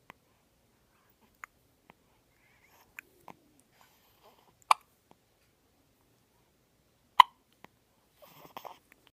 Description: Baby girl has hiccups